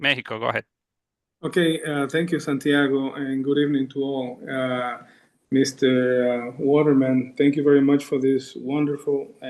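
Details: Adult male speaker; Normal speech.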